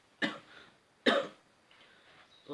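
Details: Acted adult with dry throat after waking: two short, sharp dry coughs with faint room noise between them.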